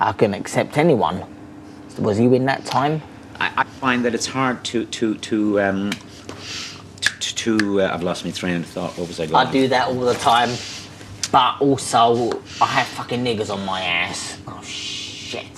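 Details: Adult man from London with severe Tourette syndrome ('super Tourette's'), diagnosed at 13, with involuntary vocal outbursts and obscene utterances during a phone call; vocal tics with coprolalia (Tourette syndrome).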